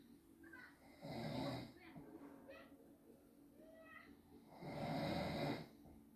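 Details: Father snoring while asleep, recorded by family: two loud, rough rattling snores on inhalation with quieter breathing between, in a quiet room.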